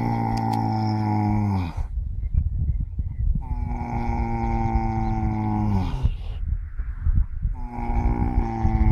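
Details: Four horses napping on a sunny morning: long, deep, droning groans repeating with steady breathing pauses, dropping in pitch at each end; horses snoring.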